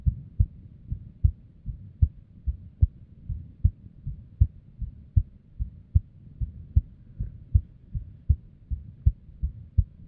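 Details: Female's unstable resting heartbeat with an arrhythmia and abnormal beats: about 70 a minute, unevenly spaced, with varying strength between beats; an irregular heartbeat.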